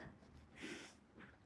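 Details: Snoring.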